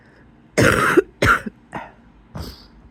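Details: Person in bed just after waking gives four wet-sounding coughs, the first two strongest, with a faint whistling tone inside the bursts: a wheezy cough.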